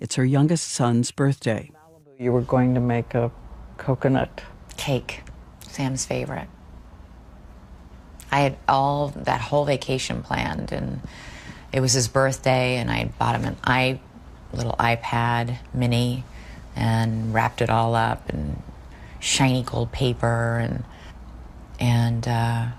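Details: Slurred speech from real alcohol intoxication in an adult woman, a news anchor, recorded while drunk reading copy; she could read the words but could not make her mouth say them and struggles with simple words.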